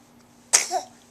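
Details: Dog sneezing after barking: one short, sharp sneeze burst with a hissing onset, over quiet room noise.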